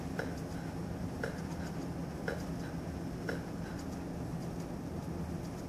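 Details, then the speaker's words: Normal S2 at the apex, heard with the stethoscope diaphragm in an adult in a nursing exam demonstration: regular soft heartbeats about 60 a minute, with S2 softer than S1 here. "S2 is caused by closure of the semi lunar valves it's loudest at the base where it normally sounds like this at the Apex it sounds like"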